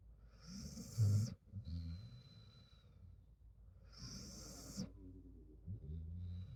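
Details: Low rumbling snores from a sleeping dog with a thin high nasal whistle on out-breaths; snoring with nasal whistle.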